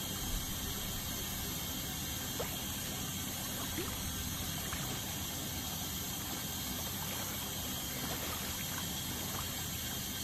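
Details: Ultrasonic dental scaling removing tartar during a dental cleaning: steady high hiss and whine with water spray and suction gurgle throughout.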